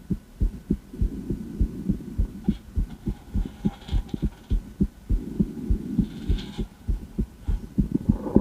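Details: Female, heart auscultation through a stethoscope; regular low thumps about 100 beats a minute with faint background hum; normal heart sounds.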